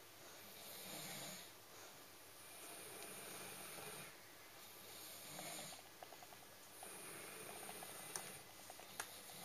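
Slow, breathy, hissing snores about fourteen a minute, soft and airy rather than rumbling: dog snoring.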